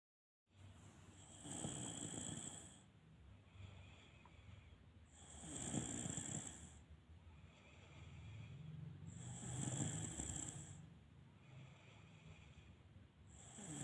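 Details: Continuous snoring without pauses: a steady, rhythmic, rough fluttering noise on each breath, about 15 breaths a minute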